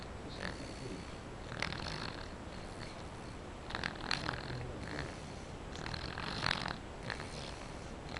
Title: Snoring baby